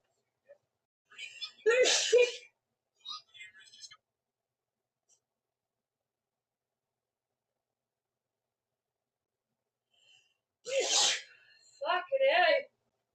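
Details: Sneezing fit in a woman, her fourth sneeze in a row: two sharp bursts with a brief gasp between and a short quieter burst after the first, in a quiet room.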